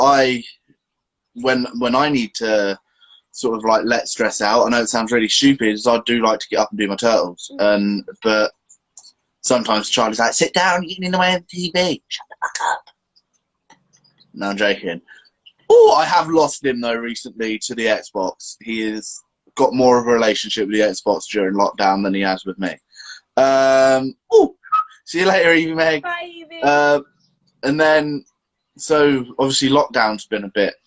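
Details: Adult woman with a stammer since age three, described as a neurological speech impediment, with blocks and repetitions; stuttering.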